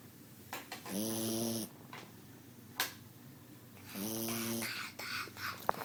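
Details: Flat-faced dog with a mushed-in face, said to sound like this even when awake: two loud, buzzing, vibrating snoring breaths about three seconds apart, with quieter noisy exhalations between; snoring while asleep.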